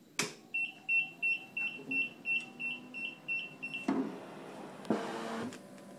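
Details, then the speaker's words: Puritan Bennett 740 ventilator restarted after a passed SST: a click, then about ten high, evenly spaced beeps of the power-on alarm, followed by button and handling sounds. "so now we're going to turn the ventilator off and we'll turn it back on"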